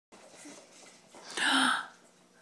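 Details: Mother's sneeze: a soft intake of breath, then one sharp, loud sneeze burst with background room noise.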